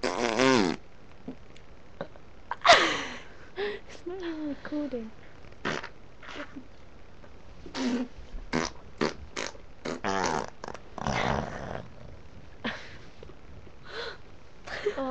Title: burping and farting session